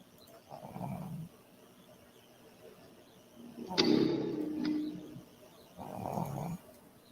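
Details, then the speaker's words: Soft, rhythmic snoring breaths every few seconds, with a brief louder noise, from a pet dog sleeping on its owner's lap. "Naririnig niyo yung hilik? Oo nga, meron."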